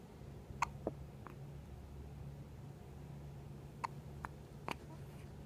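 Several short, sharp catches of breath at irregular intervals over a quiet room: hiccups.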